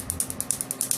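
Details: Rapid, evenly spaced crisp snaps at about 10 pulses per second: a laser firing during removal of a man's large sleeve tattoo on his left arm.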